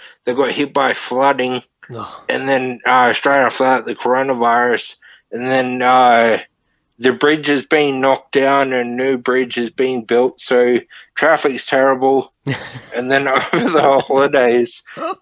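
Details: Man, 31, with Friedreich's ataxia diagnosed at 14, a neurodegenerative disorder; wheelchair user since about 23; he reports slurred speech and word-finding struggles as part of the disorder; finding: ataxic dysarthria (Friedreich's ataxia).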